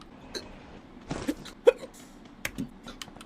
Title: CAN'T STOP HIS HICCUPS🤣🤣